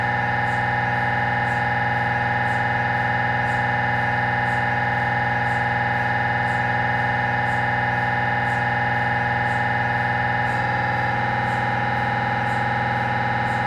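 Steady loud droning hum with a faint rhythmic ticking about twice a second, changing pitch briefly near the end: MRI scanner noise during a scan.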